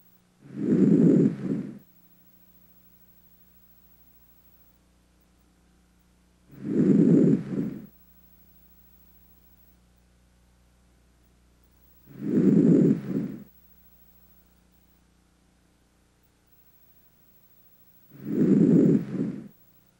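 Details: Healthy male patient breathing deeply through the mouth, stethoscope on the anterior chest: soft, regular breath sounds, a normal finding.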